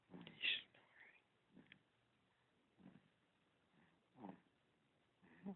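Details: Sleeping pet snoring: soft, regular rasping breaths about every second and a half, roughly 45 per minute, in a quiet room.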